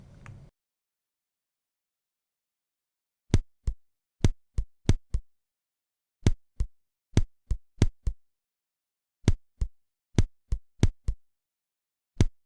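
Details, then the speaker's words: Simulated heart sounds of trigeminy repeating in threes: two sinus beats, an early extrasystole, then a long post-extrasystolic pause, over and over. "теперь тригеминия два синуса сокращения сердца потом экстрасистола после неё посто экстрасистолическая Пауза и так всё время повторяется слушаем"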